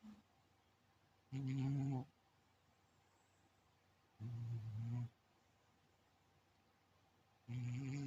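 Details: Sleeping cat snoring: low, rumbling snores about every three seconds, roughly 20 per minute, separated by quiet pauses.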